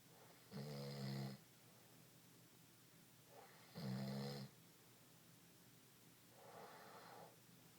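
Loud, low rattling snores on the in-breath, about 20 breaths a minute, with softer out-breaths between.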